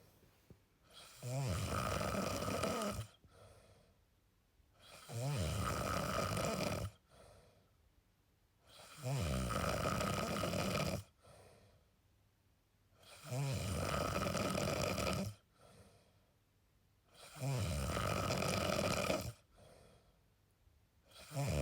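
Regular, loud, harsh snores about 15 a minute, each followed by a short quiet breath out; snoring.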